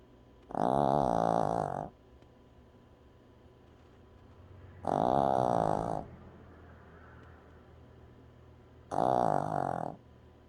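Three loud, rough, buzzing snores about four seconds apart, roughly 15 breaths a minute, with quiet pauses between; snoring.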